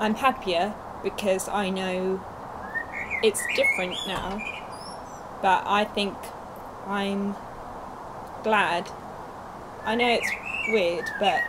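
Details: Young woman, two years after a stroke at age 18, with Broca's aphasia affecting speech, reading and writing; Broca's aphasia.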